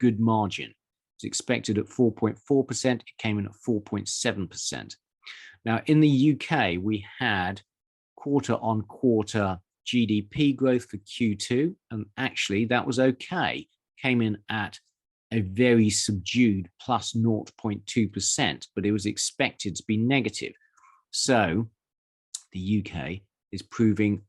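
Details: Adult man speaking; Normal adult voice.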